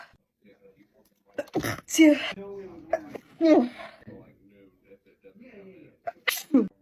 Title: female tiktok sneeze 138